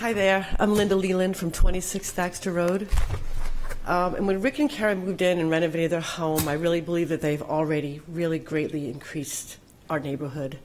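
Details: Adult woman; normal voice.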